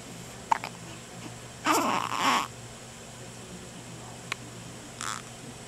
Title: Hiccups 5 11 09